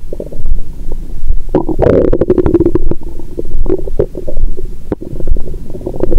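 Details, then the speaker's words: Active bowel sounds through a stethoscope on a woman's abdomen after a Christmas dinner with wine following a 22-hour fast: continuous low gurgling, bubbling and frequent squeaky pops. "मेरा पेट हर समय गड़गड़ाहट"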